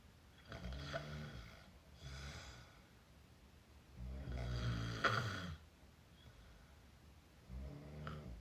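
Low, rattling snores with open-mouth breathing, one long and several shorter, over quiet room noise; open-mouth snoring.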